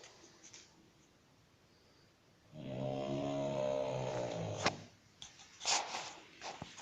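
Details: One long, buzzing snore from a sleeping pug, followed by snuffling sounds and faint room noise; snoring.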